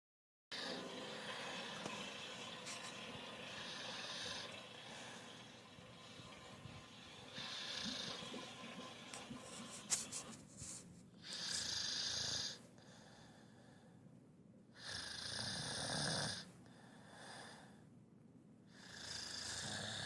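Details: Person snoring loudly: hissy, snorting breaths in several long bursts over a noisy background; snoring.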